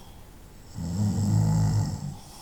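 A single loud, low, vibrating snore on one breath in, lasting over a second, over quiet room noise.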